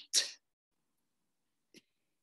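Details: Tongue noise at the end of exhalation during abdominal breath-management exercises in voice therapy, attributed to the tongue moving forward under tension at the end of the exhaled breath.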